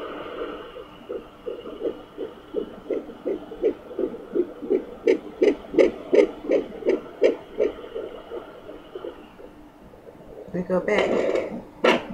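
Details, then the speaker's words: At 10 weeks of pregnancy, a Sonoline B pocket fetal Doppler on the belly picks up rapid, regular whooshing pulses at about 165–170 a minute, with wind-like movement sounds; the owner suspects a second heartbeat or an echo: fetal heartbeat. "i can hear something like wind on this and if i move over it sounds like the same heartbeat right and movement"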